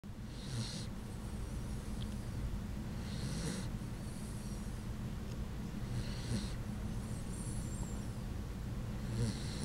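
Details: Sleeping Puggle dog snoring with a human-like sound: soft, regular snoring breaths with a faint hiss on each cycle, about every three seconds.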